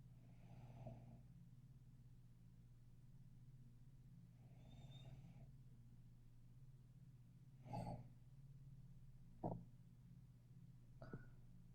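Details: Soft, faint snoring breaths with a few short snorts over a low room hum, from a woman who fell asleep in bed while watching Netflix after sex.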